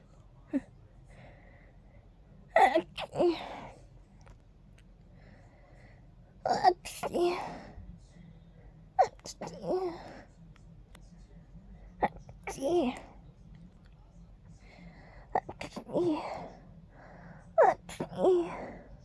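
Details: Person sneezy from pollen tickling the nose, noting the sneezes sound unusual: five or six sneezes in a row, each a quick inward breath then a sharp burst, in a quiet room.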